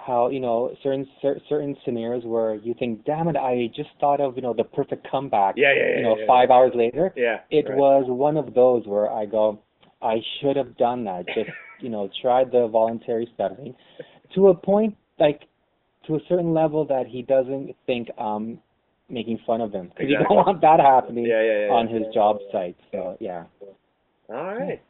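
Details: Lifelong stuttering in an adult co-host of a webcam podcast about stuttering; stuttering.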